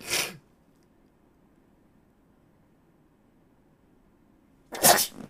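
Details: Sneezing fit caught on a live stream: two sharp, explosive sneezes about five seconds apart with quiet between; massive sneezing fits.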